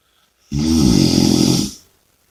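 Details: One loud, rough, rattling snore lasting just over a second, with a coarse vibrating tone while breathing during sleep; snoring.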